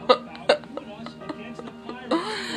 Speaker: and I have the hiccups and I just want to show you